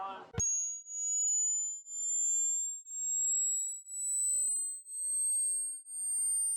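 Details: Hearing test: after a brief word, a pure whistling tone rises steadily in pitch, pulsing about once a second, while the listener is told to say stop when they can no longer hear it; a rising-pitch hearing test tone.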